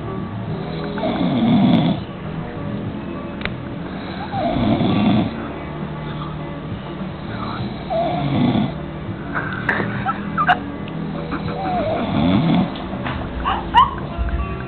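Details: A person snoring: low, rumbling snores about every three to four seconds, roughly 18 a minute, with soft music in the background; ordinary snoring.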